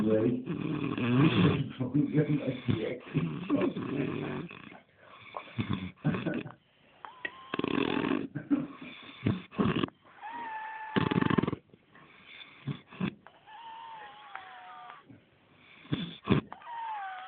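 Loud, irregular rasping snores with snorts and whistling breaths in a small room.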